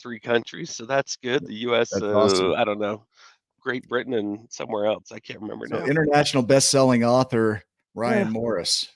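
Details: Adult speaker; normal speech.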